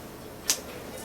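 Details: A single sharp snap as a worn male Locator nylon cap, discoloured from blue to green, pops free under the Locator core tool from a milled-bar overdenture attachment.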